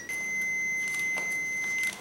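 A steady high electronic tone lasting nearly two seconds in a quiet room: a defibrillator's start-up beep.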